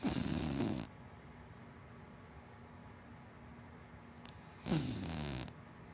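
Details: Snoring from a sleeping female dachshund–black Labrador mix.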